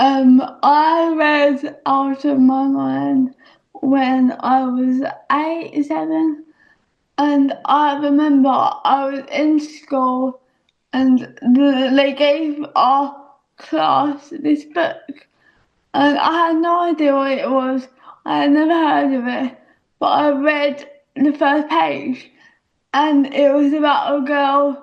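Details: Young female speaker; dysarthria (cerebral palsy).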